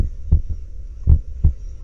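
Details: Normal heart sounds from a stethoscope synced with cardiac ultrasound: two heartbeats with low lub-dub thumps, normal rhythm.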